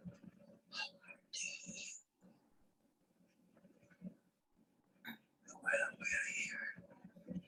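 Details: 75-year-old man with long-standing rough voice, gradual loss of volume, increasing breathiness and effort, preferring to whisper; vocal fold atrophy, bilateral sulcus vocalis and large glottal gap: whispered breathy voice from vocal fold atrophy.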